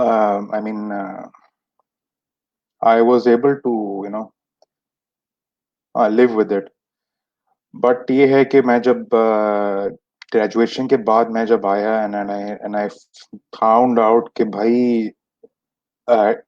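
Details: Adult who has stammered since age 6, with many speech therapies that did not help; stuttering.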